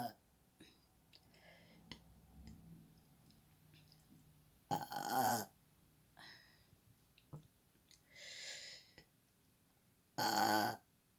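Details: A girl burping on command: a few separate loud belches in a quiet room, each about half a second long, with softer sounds between them; burping.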